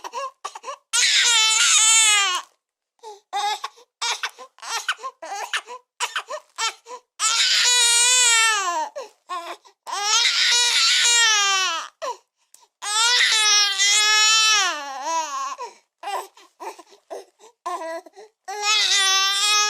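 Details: Newborn crying hard, offered as a sound effect: loud, high-pitched, sustained wails repeated with brief gasping pauses between them.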